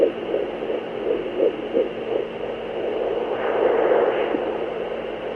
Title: Fetal Doppler Heartbeat